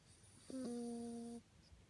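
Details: Sleeping toy poodle snoring loudly, audible from about 30 seconds in; owner wonders if a past injury affecting the nose is the cause.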